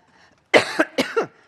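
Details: Adult woman coughing during a conference speech: two harsh coughs in quick succession, each a sharp burst with a short voiced, throaty tail, against a quiet background.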